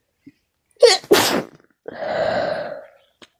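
A quick catching breath, then a loud explosive sneeze, followed by a drawn-out voiced groan; an ordinary single sneeze.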